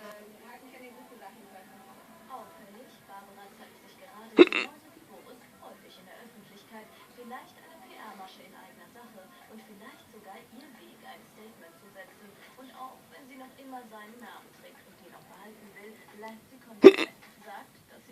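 Two sharp, brief hiccup sounds about twelve seconds apart, over quiet background speech and faint music.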